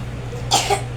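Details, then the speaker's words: Single short, harsh cough from a child with a four-day cough that is worsening, plus fever and runny nose; the child cannot bring up phlegm. Steady background hum. "So ilan araw na po yung ubo niya? Ah 30 31 apat na araw pati yung lagnat fever. Lumalala po yung ubo niya."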